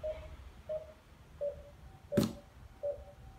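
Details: YKDMed 1000 Plus patient monitor demonstration, SpO2 98%, pulse about 85–86 bpm: steady short pulse beeps, one overlapped by a click, tracking heart rate: patient monitor pulse tone.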